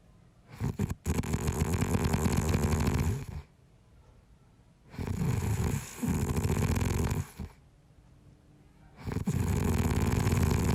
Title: Snoring - Sleeping Sound - Sound Effects